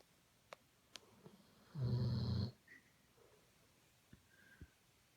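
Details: Weimaraner/Doberman cross dog snoring loudly while asleep: one low, buzzing snore lasting under a second, in a quiet room with faint clicks.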